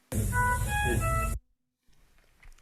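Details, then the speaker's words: Short electronic alarm of clear stepped tones over a low hum, a sound clip of the actual make and model of ventilator used by a woman with a disability: ventilator alarm. "but this is the noise that we all had either in person or otherwise when that ventilator would tell her something"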